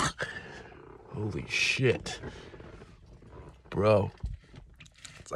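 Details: Adult male coughing fit described as heavy and zombie-like: harsh coughs with a taut sound likened to drawing a bow or a rubber band.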